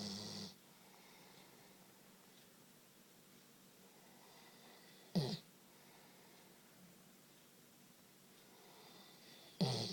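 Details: Sleeping dog snoring: quiet breathing broken by short snorting snores about every four to five seconds.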